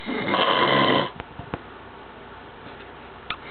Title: RONCANDO